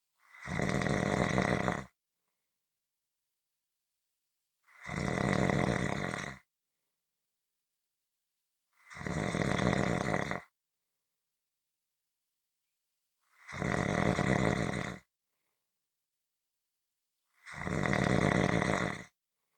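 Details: Five loud, rasping snores at a steady pace, about 15 breaths a minute, with silence between them; regular snoring audio for relaxation or sleep.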